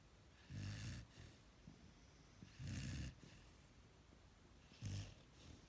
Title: Snoring Appa